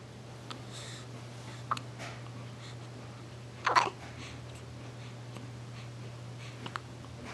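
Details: Hiccups: a few brief, sharp hiccup sounds over a steady low room hum, one louder than the rest.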